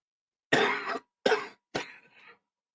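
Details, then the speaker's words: Three harsh coughs in a row from an adult man during a live stream, the last trailing off with a rougher, wetter tail; he reports a regular cold, testing negative for COVID. "there come the coughs see you guys hear it there it's brutal but oh I'm gonna have to cut this thing off short here guys I knew it was gonna catch up with me"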